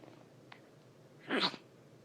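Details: Newborn baby girl on day 2 of life sneezing: a single small, high sneeze burst against quiet room noise.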